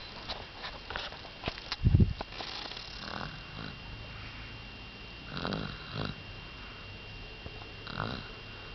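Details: Soft snorting snores and sniffs from a sleeping dog, with a brief louder snort near the start; snoring.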